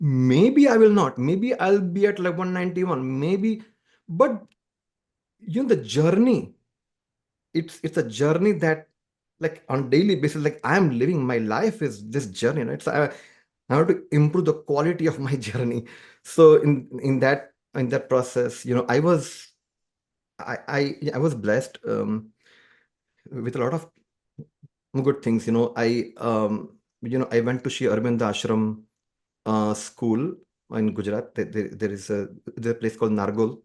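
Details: Adult man described as a person who stammers, speaking conversationally; stuttering (stammering).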